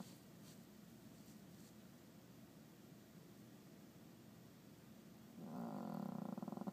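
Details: Snoring in a sleeping small dog: low, quiet rumbling breathing, then a louder, rapidly fluttering snore near the end.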